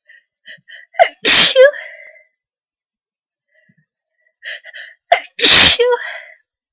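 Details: Sneezing triggered by sneezing powder: two forceful sneezes, each preceded by quick catching inhalations, with quiet in between.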